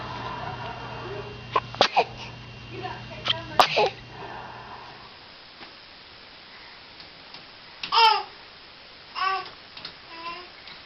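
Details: Newborn baby sneezing: several small, high-pitched infant sneezes with brief cries and babble over faint background music; frequent sneezing in newborns clears the nasal passages and is normal.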